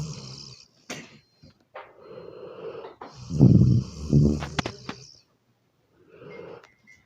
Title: DOG SNORING IN MIKE!!!